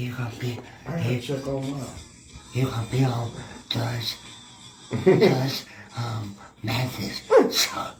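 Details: Speech impediment in a male adult podcast guest who works in disability awareness.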